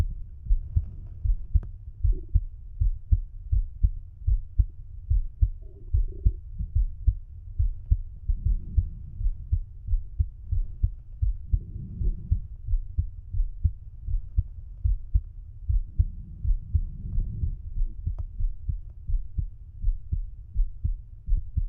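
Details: Male heart auscultated with the stethoscope bell at the mitral area (apex) while lying on his side: steady, regular, low normal heart thumps.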